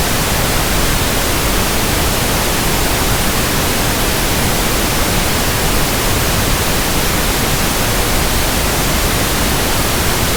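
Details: Simulated tinnitus: steady, soft static pink-noise hiss with a fuller low end, for matching noise-like tinnitus.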